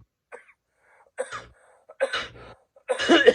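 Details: Adult man with a nagging allergy cough, not otherwise sick, recently seen by a doctor and awaiting allergy pills: a run of short, dry, throaty coughs that grow stronger.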